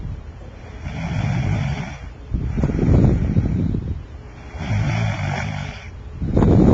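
Loud, low rattling snores with each in-breath, about three cycles in the clip, separated by quieter out-breaths; ordinary snoring.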